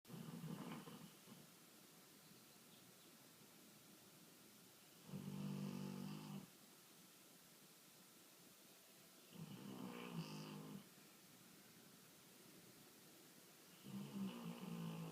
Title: Brownie snoring!